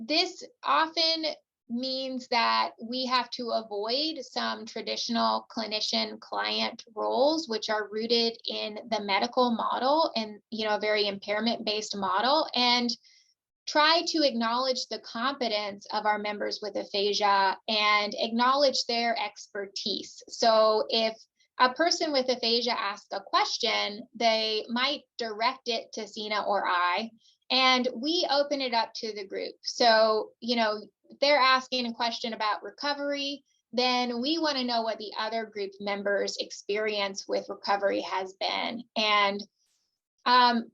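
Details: Adult woman speaking; typical speech.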